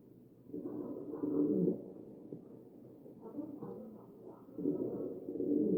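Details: Ventilated breaths with low, cooing musical tones over the chest; wheezing from narrowed airways.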